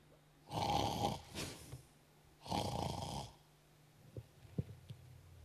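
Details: Person snoring in sleep: two loud, rattling snoring breaths with short quieter outbreaths, followed by soft clicks and light breathing; ordinary snoring.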